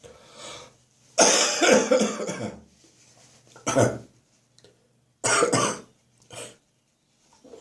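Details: Adult with a spring cold; the cough is now stuck in the chest, deep and wet. A long, harsh coughing burst, then three shorter deep, loose, rattly coughs: a wet productive cough.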